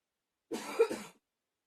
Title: 10 minutes of coughing